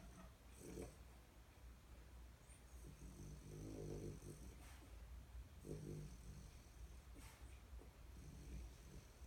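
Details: Quiet snoring in sleep, possibly while dreaming: soft, low fluttering breaths repeating every couple of seconds under a steady low hum.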